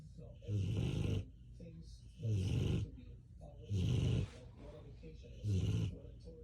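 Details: Snoring while medicated after surgery, lying on the floor: loud, low rumbling snores in a steady rhythm, about four in six seconds, with quieter breathing between.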